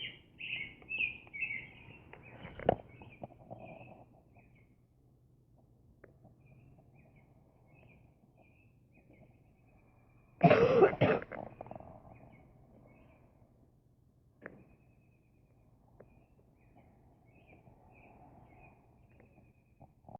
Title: Wow I coughed and it flew out.